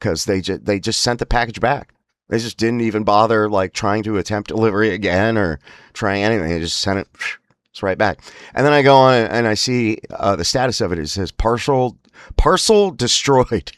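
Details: Man with spasmodic dysphonia (laryngeal dystonia); he says emotional stress and an unregulated nervous system make his voice spasms much worse, especially on phone calls: spasmodic dysphonia.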